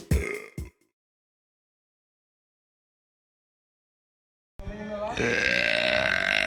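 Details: Burping compilation: two loud, throaty burps, then silence and a long drawn-out belch.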